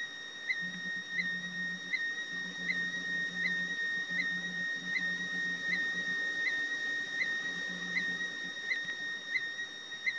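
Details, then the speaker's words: Cardiac event monitor worn by the speaker, who sits very still and presses record: steady electronic tone with regular chirps about 80 a minute as the device records and plays back the wearer's own heart rhythm. "so what you want to do is hit the record button and what you're hearing is my heart"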